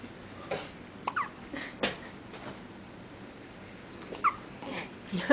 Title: My Goddaughter's first hiccups